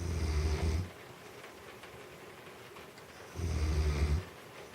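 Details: A person snoring loudly enough that the movie sound had to be turned up: two deep, rumbling inhaled snores about three seconds apart, with quiet breathing between; snoring.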